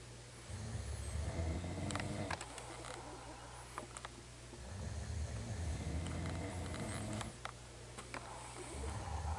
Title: Snoring at 12:15am